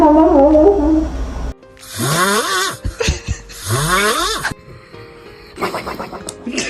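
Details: Music, then two loud snores from a sleeping dog with a rising whistling squeak, separated by a pause; ordinary sleep snoring.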